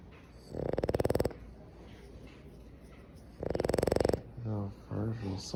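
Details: Boston Terrier dog snoring: two loud, rattling snores, each under a second long and several seconds apart, with brief soft talk near the end.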